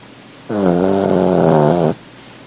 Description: For such a little dog, Rupert makes quite a bit of noise when he sleeps.